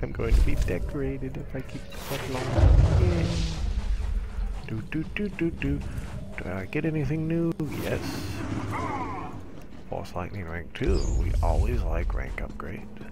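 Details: Stuttering in an adult man who describes it as a very strange stutter that may come back while he is recording.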